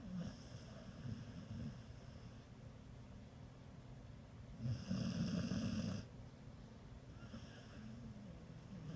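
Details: Rescue pit bull snoring in sleep: low rumbling snores with one louder breath in the middle; ordinary snoring.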